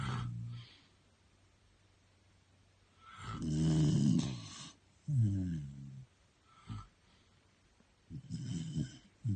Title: It's a Snore Off!!